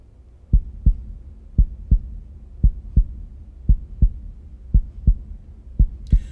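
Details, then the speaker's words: Training mannequin at the apical pulse point, just below the left nipple: regular lub-dub at about 57 beats a minute, normal S1 and S2, for counting apical pulse. "One lub-dub equals one heartbeat. So the way you count it is lub-dub 1, lub-dub 2, lub-dub 3."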